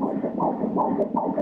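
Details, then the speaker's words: Fetal heart on endovaginal ultrasound at 13 weeks of pregnancy: fast, regular whooshing pulses at 173 beats per minute; normal fetal heartbeat. "isn't it nice to hear the baby's heartbeat like that?"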